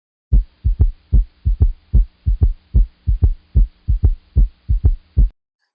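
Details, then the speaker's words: A regular heartbeat near 73 a minute with a soft, low extra thud just after the second sound: a third heart sound (S3) from rapid ventricular filling, not yet the faster gallop of heart failure. "now a true gallup rhythm is when s3 is paired with tachycardia and this happens in heart failure it sounds very similar to what i've just played you just a little bit faster and this is due to the tachycardia"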